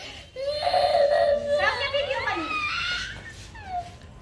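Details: Infant crying while getting a haircut: whimpering, rising and falling cry with short sobbing breaths; ordinary fussing cry, with faint room noise.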